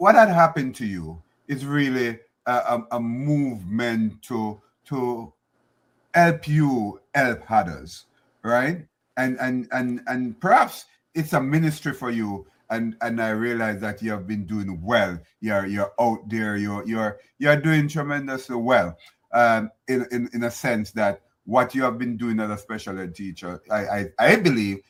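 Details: Adult man speaking; conversational speech.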